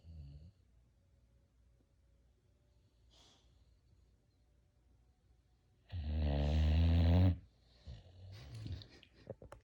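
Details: Boxer dog sleeping after Christmas Day, snoring: one loud, low, rumbling snore lasting about a second, plus a faint one at the start, in a quiet room.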